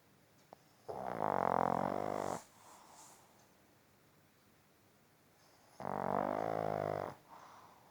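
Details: Sleeping pug giving two long, loud, droning snores on breathing in, with a quiet breath out between: noisy upper-airway snoring.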